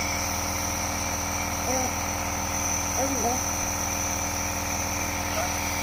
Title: I am getting Neubalaization For Cold Fever and Cough😤😤😤